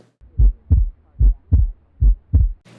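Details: Normal heart sounds on cardiac auscultation: steady paired lub-dub beats about 75 a minute, clean between beats.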